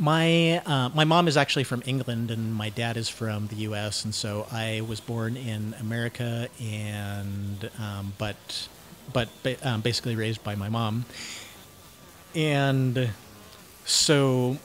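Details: Cluttering, self-described syntactic subtype, in a 49-year-old man who uses learned fluency techniques while speaking.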